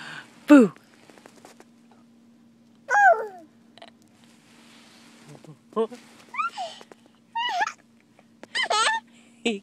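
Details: Hiccups while giggling, recorded waiting in a car: sudden high, squeaky voiced bursts, some sliding in pitch, mixed with giggling at irregular intervals.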